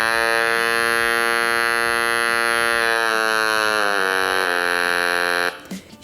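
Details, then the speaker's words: Steady loud mechanical buzz from a Romet R210 analog electrolarynx, activated by its start button; the pitch steps lower as the voice-tone wheel is turned, giving an adjustable robotic voice. "є кнопка запуску завдяки які активується робота катушки всередині Та ми чуємо роботизований голос пацієнта"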